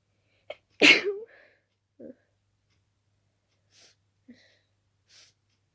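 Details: Sleepy person at night with a sudden itchy nose, possibly from dusting the room before bed: a quick inhale, then one loud, sharp sneeze followed by faint sniffs in a quiet room; sneezing.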